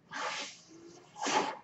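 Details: Podcaster's own mechanical ventilator heard in the background while speaking, cycling through breaths.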